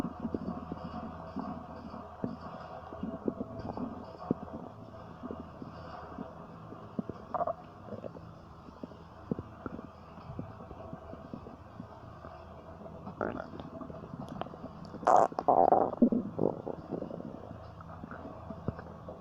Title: Stomach Noises 4